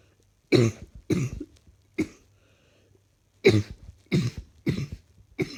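Seven harsh, moist coughs in two bursts with quiet pauses between them; a repeated, ongoing cough.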